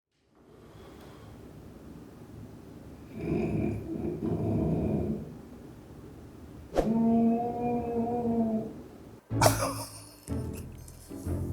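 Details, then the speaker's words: Loud, rough snoring from a police officer napping around 4:30 AM between night shifts: a rumbling inhalation followed by a loud, tonal, honking snore likened to an elephant; snoring. "[The sound of an elephant somewhere..] [Even snoring is unique]"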